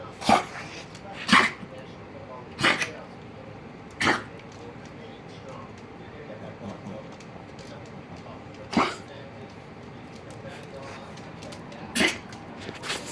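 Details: Six short, harsh cough bursts from a dog, Ruby, irregularly spaced, with quiet room noise between; recorded 1-10-2022.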